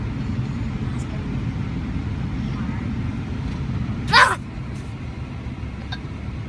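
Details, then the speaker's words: Child in a moving car: steady engine rumble, then one sharp, brief voiced gulp with a few faint clicks; hiccups. "those hiccups going? Bad. What? Bad. I know it's crazy. Can you scare yourself to make them go"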